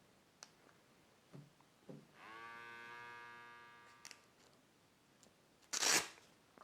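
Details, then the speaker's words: A small pump whines about two seconds as an Omron RS1 wrist blood pressure monitor cuff inflates on a seated, relaxed 57–58-year-old man, then a click and rustle; reading 122/74, pulse 71; monitor inflating. "breathe naturally don't talk when the when it's doing the monitoring okay"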